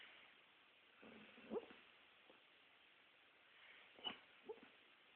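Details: Soft muffled whimpers and little yips from a sleeping dog; harmless dreaming noises, sleep vocalization.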